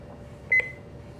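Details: Single brief electronic beep in a quiet room as a GE Dash 4000 patient monitor is switched on during preventive maintenance, lights and screen checked; normal start-up tone.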